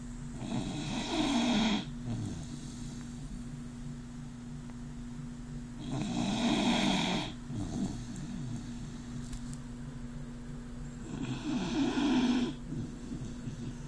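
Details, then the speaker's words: Dog with a very loud snore, said to snore even when awake: loud, rough, rattling snores on each breath in, about 11 a minute, with quiet pauses between. "You're snoring, buddy. You're awake, I know you were. Chaos. You were snoring. Right back to snoring."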